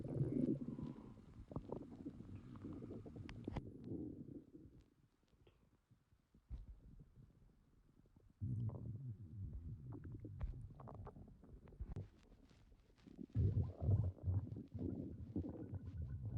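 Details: Stomach growling (borborygmi): low, gurgling rumbles rising and fading in irregular bursts with quiet gaps.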